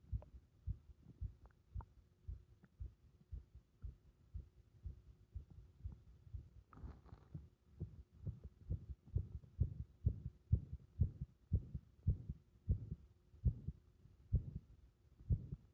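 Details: Compressed, muffled heart sounds with arrhythmia: low heart thumps at about 75 a minute with uneven spacing between beats; irregular heart rhythm.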